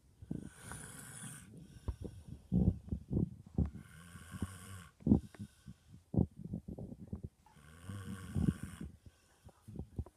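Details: Dog snoring in sleep: soft wheezy snores in a slow rhythm, mixed with snorts and snuffles.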